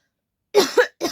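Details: Real (not fake) coughing from an adult with a lingering cold that hasn't gone away, in a coughing challenge: two quick wet coughs, the second made of two bursts.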